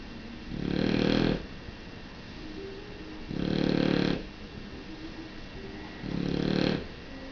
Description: Lilac Dilute Shar-Pei, snoring.